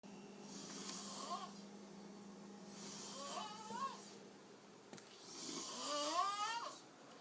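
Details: Snoring in a man asleep on a couch after drinking: breathy, whistling snores about every two to three seconds, with a steady low hum in the background.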